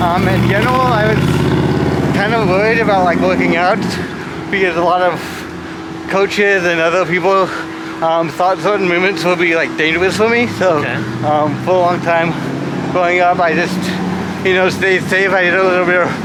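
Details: Adult man with cerebral palsy from brain damage caused by lack of oxygen when his heart stopped at birth; speech, balance and coordination are his biggest challenges; dysarthria (cerebral palsy).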